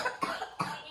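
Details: Child with a nasty cough gives two short, harsh coughs.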